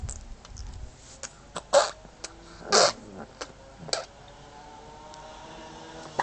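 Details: Hiccups: several abrupt, short gulping bursts about a second apart over faint room noise.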